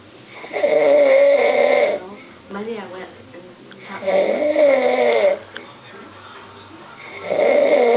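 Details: Dad snoring: loud, drawn-out rasping snores on each breath, about three in eight seconds, with quieter breathing between.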